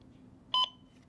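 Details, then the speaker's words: A single short, high electronic beep in a quiet room from a pocket CPR metronome just switched on, used to pace continuous chest compressions at about 100 per minute. "so now I'm going to demonstrate using the pocket CPR metronome push the button on the side it turns"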